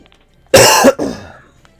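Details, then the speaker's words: An adult with congestion and a tickle in the throat gives one loud, harsh cough burst followed at once by a softer trailing expulsion, in a quiet room. "the cough isn't going anywhere it's just it's a tickle in your throat it it happens it's the congestion it's going to happen for another week I'm just going to be hacking for a week"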